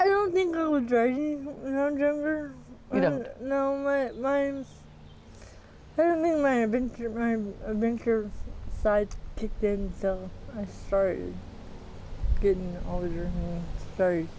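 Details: Dysarthria in a 40-year-old woman with athetoid cerebral palsy: full-body involvement (quadriplegia), moderate-to-severe physical involvement, GMFCS level 3/4, walks with a walker but uses a power wheelchair daily; speech can be hard to understand.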